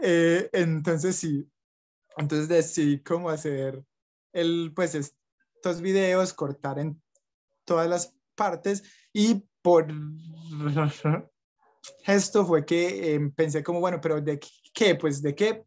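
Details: Young adult Colombian man, Spanish-speaking, who stutters and reports blocks and repetitions; stuttering.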